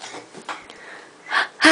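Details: Child's tight, noisy breaths with a faint high whistling edge, fitting wheezing from narrowed airways; recorded for a healthcare provider.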